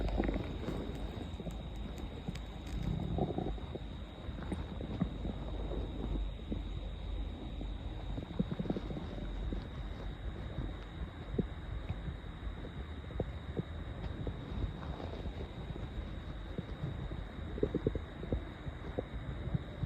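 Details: Stomach growling at 7am before breakfast, after more than 20 hours with an empty stomach, loud enough to hear without a mic: low, irregular gurgling and rumbling with brief squelches over faint hum; hunger borborygmi.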